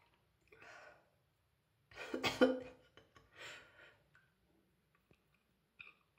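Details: Woman with a cold sneezing in a warm bath: one forceful sneeze with an inhaled lead-in, then softer breaths in an echoey room; sneezing attack.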